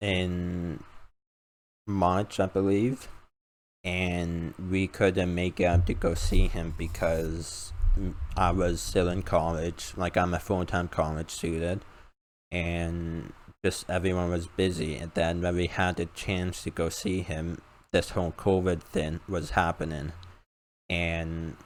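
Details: 19-year-old male college student with a self-described uncontrollable speech impediment; about 10 years of speech therapy; formerly used an iPad talking device, not needed for about three years; finding: speech impediment.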